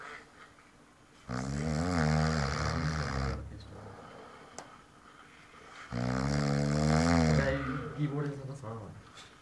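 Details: Friend asleep, snoring aloud: two long, loud, vibrating snores on breathing in, about 14 a minute, with quieter breathing between; heavy snoring.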